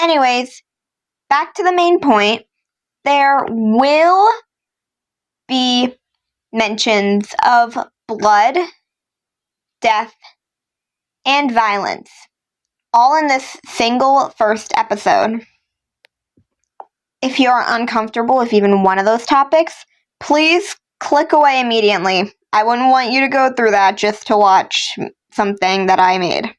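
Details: Stuttering in a female speaker who says she stutters quite a bit through words, especially when reading scripts or lines, with filler words between sentences.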